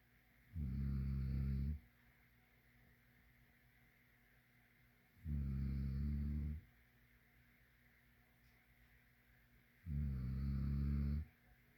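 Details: Three long, deep, rumbling snores on inhalation, about 13 breaths a minute, with quiet pauses between; ordinary snoring.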